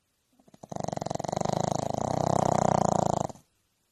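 One loud, drawn-out rattling snore, a rapid fluttering vibration for about three seconds; snoring.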